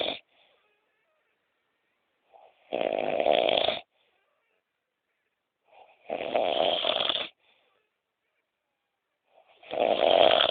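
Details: Adult woman snoring while asleep: loud rough snores about every 3.5 seconds, roughly 17 a minute, each preceded by a faint short sound, in a quiet room.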